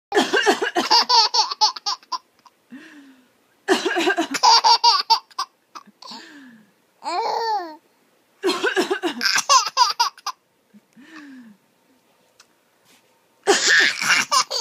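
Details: Repeated bouts of harsh coughing from a mother, each answered by her infant son's high, giggling laugh.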